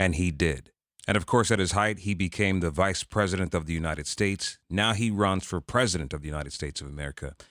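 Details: Adult male speaker; typical speech.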